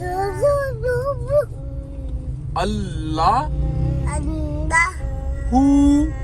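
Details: Child about 9 months after cochlear implant surgery, now responding to sounds and in ongoing speech therapy; some words may be a parent prompting; early speech development after cochlear implant.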